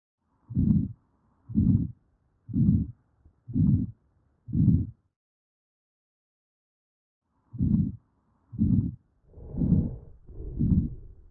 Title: Auscultation of the heart